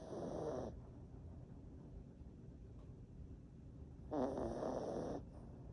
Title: Snoring😴🐾 #chihuahua #chihuahualife #chihuahualove #chihuahuafanclub